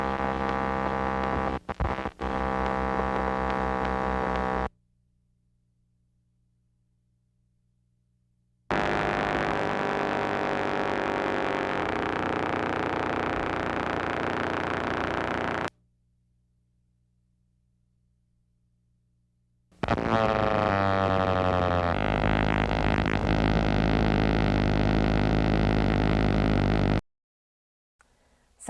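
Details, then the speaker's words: Complex repetitive discharges on needle EMG, from a university EMG laboratory teaching collection: steady machine-like buzzing bursts that start and stop abruptly. CRDs in pathological states usually accompany profuse fibrillations and positive sharp waves. "In pathological states, CRDs are usually associated with profuse fibrillations and PSWs regardless of diseases. On many occasions, the generator can be accurately pinpointed because with a minimal needle movement from the generator, CRDs will cease firing."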